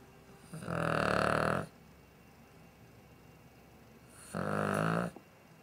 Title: Emma the dog snoring